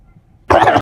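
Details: One short, forceful cough from a person who coughs repeatedly while gaming.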